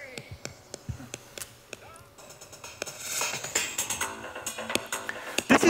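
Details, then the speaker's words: Sharp irregular clicks over a faint film soundtrack: action potentials from a single neuron in a woman's brain, recorded while she watches movies, firing as a Simpsons clip plays. "what you hear is the sound of one second her brain that speaks while she resists movies"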